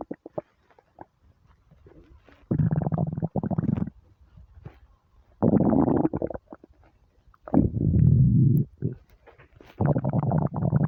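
Four long, loud, low growling rumbles, each about a second, with quieter gurgles between. Ordinary hunger stomach rumbling.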